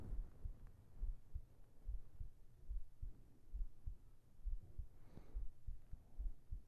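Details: Soft, steady low heartbeat thumps at roughly 67 beats a minute with faint background hiss, in a sleep ASMR recording; normal heartbeat.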